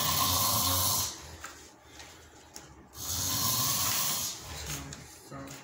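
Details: An adult friend snores heavily at night: loud, rough snores on two breaths in, separated by quieter breathing out; snoring likened to a tiger.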